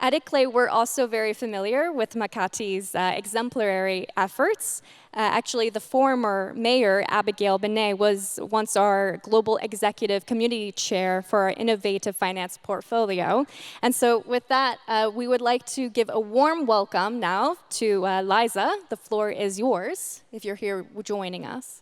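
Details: Adult woman speaking; Normal speech.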